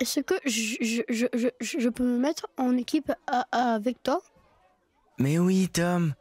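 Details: Stuttering by a boy character in a narrated children's story about bullying, with repetitions and blocks on sounds; acted.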